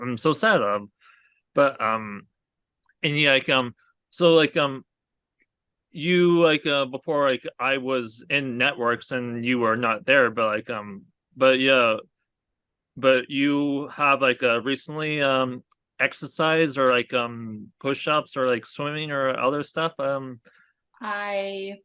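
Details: Aphasia in an adult man, a real stroke survivor, caused by a hemorrhagic stroke from an arteriovenous malformation at age 20.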